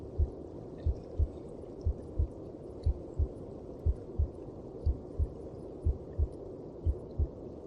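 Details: Heartbeat heard inside the mother's belly: steady, regular low paired thumps at about 60 a minute under a soft muffled hum; a normal heartbeat heard through the belly.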